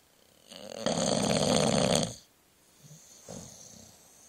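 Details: Sleeping bulldog recorded by phone about 30 cm away: one loud, rattling snore on a breath in, followed by quieter snuffling breaths; snoring.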